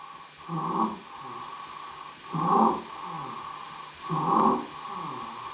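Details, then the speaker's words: Example of stridor in a pediatric respiratory assessment: harsh, high-pitched crowing noise with each breath, about 33 a minute, from a narrowed upper airway. "Strider is a high-pitched noise that indicates a narrowing of the upper Airway it's usually caused by edema inflammation or obstruction and can be heard on inspiration or expiration"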